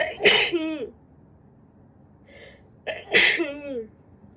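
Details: Female with a winter cold: two loud sneezes, each a sharp burst with a voiced trailing 'choo', separated by a quiet breath; sneezing.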